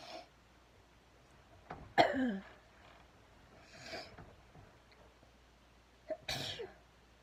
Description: Sneezing while I braided my hair